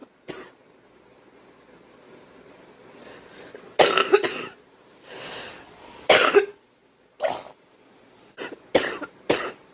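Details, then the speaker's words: About seven harsh, dry-sounding coughs, singly and in pairs, from a girl; she calls it a different kind of cough and feels something in her chest. "But it's just a different kind of cough. What? Oh yeah, you can tell I have something in there."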